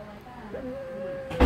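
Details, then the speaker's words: Training manikin (MegaCode Kelly, SimMan) set to play stridor with volume raised: a thin, steady high-pitched tone over faint room noise; simulated stridor. "we're going to go ahead and give him a Strider and see if we can hear it I'm going to pump up the volume see if we can hear it on the audio"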